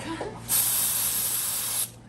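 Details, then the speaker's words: Steady hiss of about one and a half seconds as aerosol cold spray numbs the big toe joint of a young man previously diagnosed with gout, before an 18 gauge needle poke to drain a lump. "What I'm gonna do is I'm gonna spray some cold spray and then I'm gonna push and I'm gonna go in right there, okay?"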